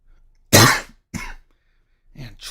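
One forceful cough from an adult, then a softer follow-up cough and a brief throat clear in a quiet room: a plain isolated cough.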